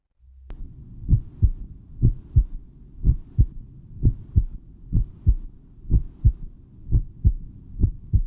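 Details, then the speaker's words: Normal heart sounds in a circulatory system lesson: regular paired low lub-dub thumps, about 94 beats a minute over a faint hum, from heart valve closure. "Olha só ouço só o batimento do coração normal"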